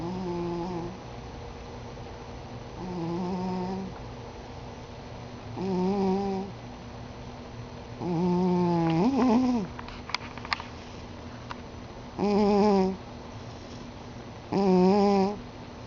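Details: Loud, buzzing, whiny snores on the breath, about 22 a minute and evenly repeated, from a sleeping overweight cat that snores daily; cat snoring.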